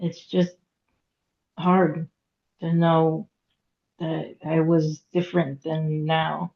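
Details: Aphasia in a woman after hemorrhagic stroke at age 36 in 2018; couldn't talk for 2 years and now speaks after recovery.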